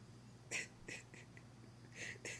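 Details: A drunk adult man has a bad case of hiccups: several short, sharp, breathy bursts at irregular intervals over quiet room noise.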